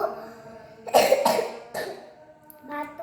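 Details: A child's voice gives way to two or three short, harsh cough bursts, then quiet speech resumes; child with a cough and cold (batuk pilek) speaking before a reading test; cough.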